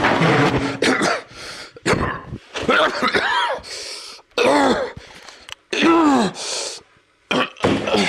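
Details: Acted adult cough from a film scene of a character coughing in pain: repeated harsh coughing bursts with strained, groaning voiced sounds between them.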